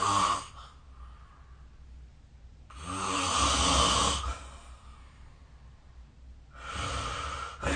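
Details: Snoring during sleep, recorded with the SnoreLab app: loud, rattling breaths with a low fluttering buzz about 16 times a minute, separated by quieter exhalations.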